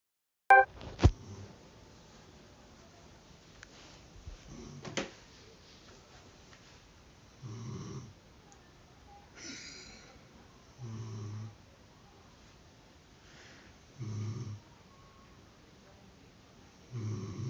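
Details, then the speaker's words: Woman (the filmer's mother) snoring in her sleep: soft, low rumbling snores recurring about every three seconds in a quiet room, with faint clicks and rustles; she denies it on waking. "Ai meu Deus, >> você tava roncando. >> Que roncando? Não tô arroncando."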